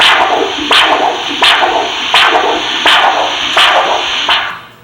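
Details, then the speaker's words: Doppler arterial signal during ankle-brachial index assessment in peripheral arterial disease: rhythmic whooshing pulses at about 85 a minute, each with three distinct components, a triphasic waveform indicating enough blood flow. "so you can actually distinctively listen to the 3 distinct waveform with 3 components for each pulse, for each signal. So we call that sort of triphasic waveform, and indicating there's enough blood flow,"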